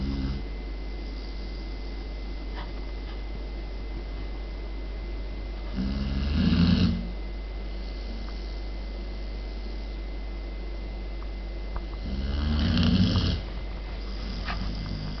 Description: Poppy our German Pointer Puppy having a lovely snooze in her bed..Snoring away zzzzzzzzz